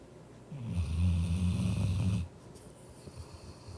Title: My German shepherd snores as if she worked 12 hr shift to pay bills.